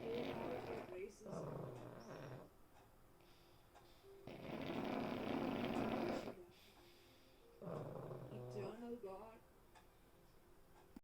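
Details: Pug named Cosmo asleep and dreaming: rough, noisy breathing in long drawn-out snores, with a spoken prayer in the background; snoring.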